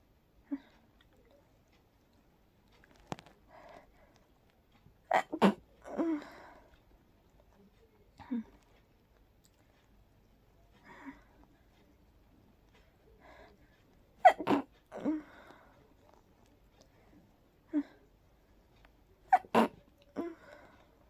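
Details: Several stifled, breathy sneezes with soft sniffs and breaths between them in a quiet room, from a very sleepy person trying to fall asleep, possibly triggered by pollen; sneezing.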